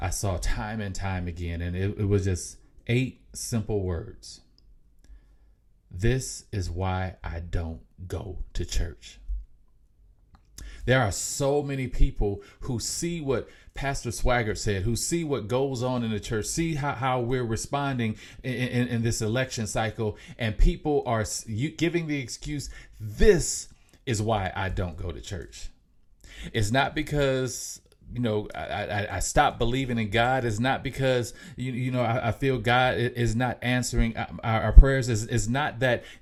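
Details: Mild, self-reported stuttering in an adult male podcast host; stuttering.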